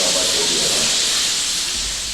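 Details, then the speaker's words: Simulation of tinnitus: a steady high-pitched hiss likened to a buzzing bee or a pressure cooker, representing the constant ear noise sufferers hear 24 hours a day. "imagine passar 24 horas do seu dia com um barulho no ouvido parecido com um ruído de uma Abelha ou de uma panela de"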